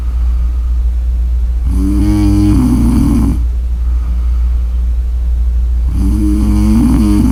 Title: Snores: Snore Audio